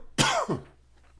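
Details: A single harsh, short morning cough burst with a brief trailing second sound, like a cough ending in throat clearing.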